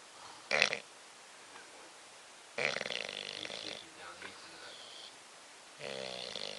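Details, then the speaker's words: Snoring from Bobby, a sleeping bulldog: two short, harsh snorting breaths and a longer rattly one, separated by quiet pauses. "Bobby. Bobby. Stop snoring. Shit. He's snoring."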